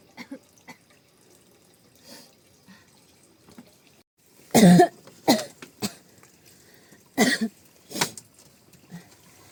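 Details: Adult woman who cannot stop coughing: two bursts of harsh, deep coughing, several coughs each, after quiet room sounds; repeated cough.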